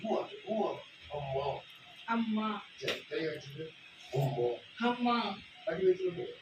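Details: Puberphonia, case 1633, speaker repeating the word 'amma'; puberphonia.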